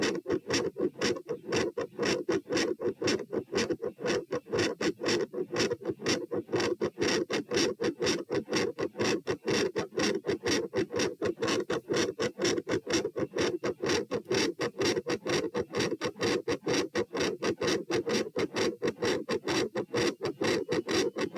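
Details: Heart sounds recorded at position P as the person moves from sitting to standing: orthostatic tachycardia rising from 96 to 132 bpm, with a fast, loud S1 and a murmur.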